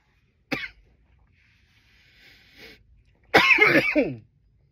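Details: Some loud coughs: a sharp single cough, a faint breath, then a loud burst of two or three harsh coughs in a quiet room.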